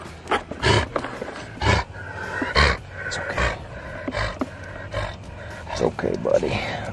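Repeated harsh, honking cough bursts from a dog, about six or seven in quick succession, with a person speaking softly nearby; kennel cough.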